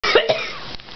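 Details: Two quick, harsh coughs right after breathing sparkler smoke at New Year's, with the person saying they can't breathe: an irritant cough from smoke inhalation.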